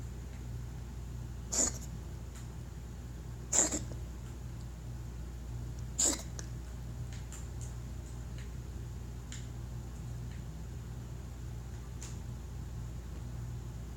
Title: Galileo coughing